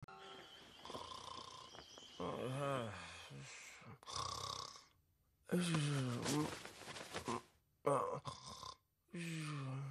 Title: Neko Hime is peacefully sleeping and snoring at the birthday party 💤🎉